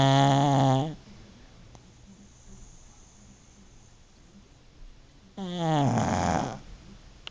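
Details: Pug asleep, wrapped in a blanket, snoring as usual: two loud, rattling snores separated by a quiet pause of several seconds.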